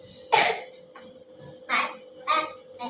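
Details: Young child with cough and cold, sitting under a red-light lamp treatment with eyes covered: several short sharp coughs within about three seconds over a steady background hum.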